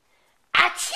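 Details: A single small sneeze, a sudden sharp hissing burst of air after quiet, recorded with a Flip Video camera; the sneezer may be a nine-and-a-half-month-old, species not stated.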